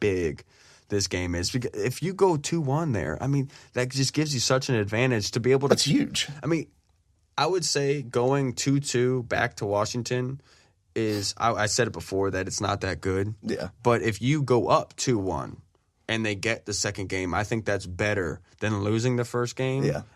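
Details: Adult male speaker; Normal speech.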